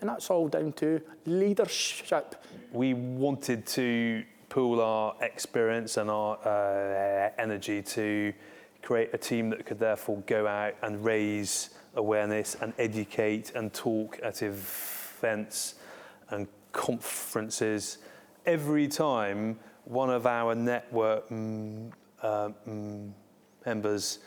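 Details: Adult civil servant with a stammer, co-founder of a defence stammering network; real, unacted speech; stammering.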